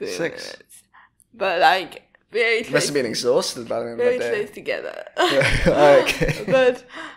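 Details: Adult woman speaking; typical speech.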